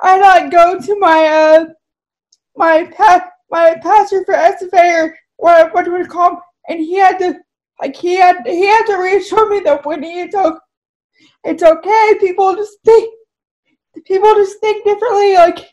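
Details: Woman with cerebral palsy whose speech is affected by the condition: dysarthria (cerebral palsy).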